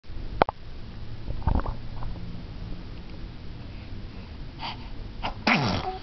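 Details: Baby sneezing and kicking legs: one sharp, explosive sneeze, followed by rustling and a short vocal sound, in a quiet room.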